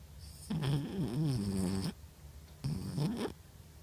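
Two drawn-out, rattling, buzzy breath sounds during sleep; snoring.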